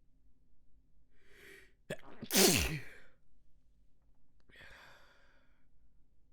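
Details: One loud, wet, very messy explosive sneeze after a quick intake of breath, then sniffing; part of a sneeze fit.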